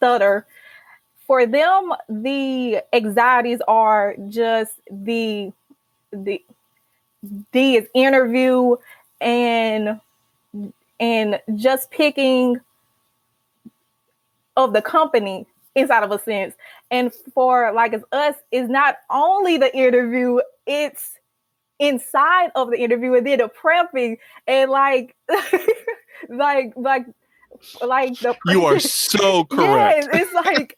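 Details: Adult female college senior who stutters and started speech therapy in college; stuttering.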